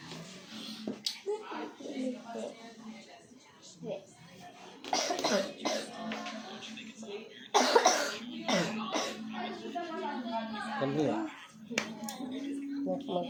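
Several short, harsh cough bursts from an adult, heard over background talk and steady music.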